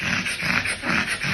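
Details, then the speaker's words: 9-year-old West Highland White Terrier with constant noisy panting and choking episodes, bronchial pattern on radiographs, and no response to budesonide for suspected chronic bronchitis: loud, harsh, rattly, snoring-like stertorous panting suggesting upper airway obstruction. "No sé si lo alcanzan a escuchar que es un jadeo como estertoroso. Parece casi un jadeo de book"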